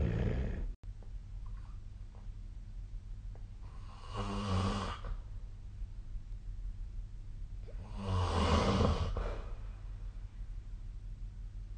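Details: Sleep snoring on 2024-12-22: two slow, rumbling snores about four seconds apart over steady low room hum, roughly 15 breaths a minute; snoring.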